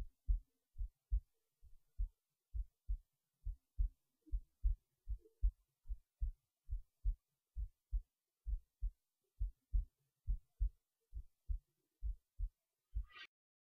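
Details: Normal resting heartbeat recorded while lying in bed late at night before sleep: steady, low thumps at about 69 a minute, with a brief rustle at the end.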